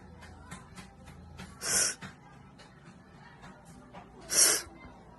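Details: Allergic sneezing, Philippines: two forceful hissing sneezes a few seconds apart, with quick breaths and faint background sounds between.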